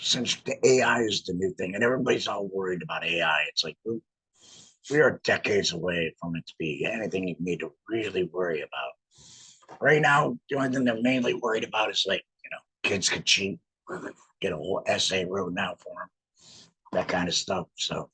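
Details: Adult male laryngectomee with no larynx, wearing an HME (heat and moisture exchanger) on his stoma; laryngectomy voice.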